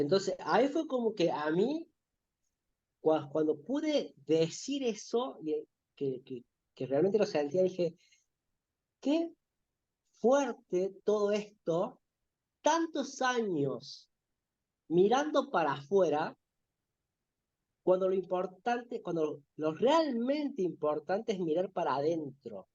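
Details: Spanish-speaking adult male who says he stutters, in spontaneous conversation. Finding: stuttering.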